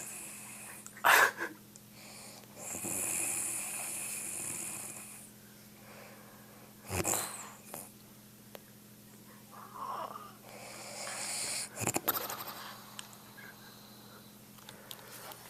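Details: Elderly woman (grandmother) snoring in sleep: loud, rough snoring breaths at irregular intervals with snorts and whistling sounds over a steady background hum.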